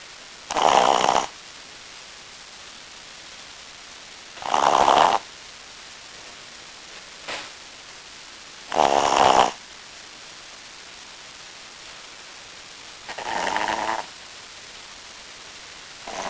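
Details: Wilbur, a Brussels Griffon dog, asleep in his favorite position: slow, regular rasping snores, about four in 16 seconds, with quiet pauses between; snoring.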